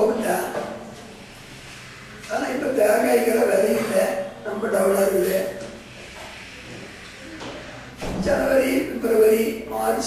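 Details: Tracheoesophageal speech in Tamil from a patient with total laryngectomy in 1993 using a Blom-Singer prosthesis via tracheoesophageal puncture; counting and naming months and weekdays.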